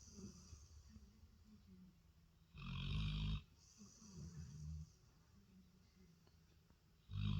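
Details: Labrador dog asleep on the couch, snoring: loud, rough snorting snores alternating with softer rattly breaths a few seconds apart in a quiet room.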